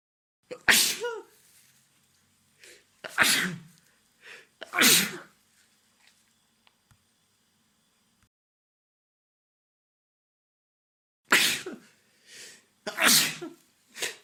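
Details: Ordinary sneezing from a woman or a man: about six sharp, explosive sneezes with quick in-breaths, in two clusters separated by a quiet pause.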